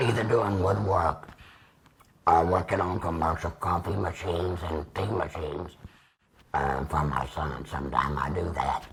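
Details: 75-year-old man, total laryngectomy about two years ago with radiation after tracheostomy, speaking with a Provox Vega voice prosthesis, extra HME cassette and Stabila base adhesive; tracheoesophageal speech after laryngectomy.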